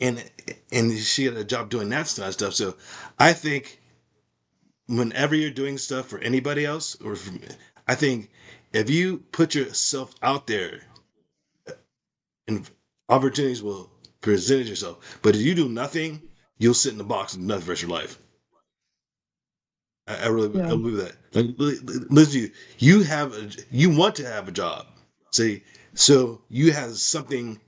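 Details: Woman with aphasia after a stroke, speaking in conversation; aphasia.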